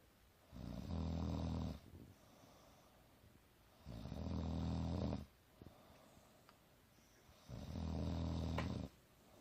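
Deep low rumbling snores, about three in ten seconds, with quieter exhalations between; ordinary snoring.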